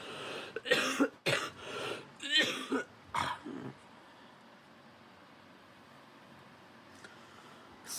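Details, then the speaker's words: A sick man gives several short, harsh coughs followed by a rough throat clear, then quiet room noise. "Okay, I just want to say I'm sorry if I sound off. I'm sick and I'm extremely pissed off, but"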